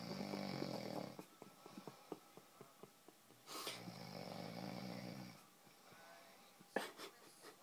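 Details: Snoring during sleep: long rattling snoring breaths with a fluttering, clicking quality between them.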